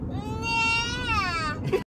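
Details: A baby gives a single drawn-out whining cry, rising then falling in pitch, over low room noise; ordinary fussy infant crying.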